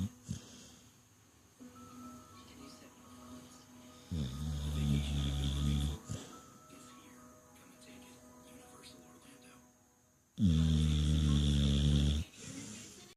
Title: Nala Tulula the snoring Shar Pei/Pit